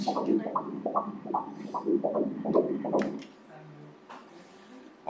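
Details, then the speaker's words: Fetal heartbeat at 15 weeks 2 days on ultrasound Doppler: rapid, regular whooshing pulses at 152 beats per minute, a normal fetal heart rate. "Look at the heart, how beautiful! 152 beats per minute 152 152 beats per minute."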